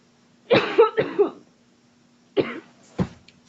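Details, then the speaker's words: Person accidentally inhaled a French fry while eating: forceful burst of harsh coughs, a gasp, then two more explosive coughs; choking cough clearing food from the airway. "Yo yo I legit inhaled not thinking. I inhaled not thinking while I was eating a French fry."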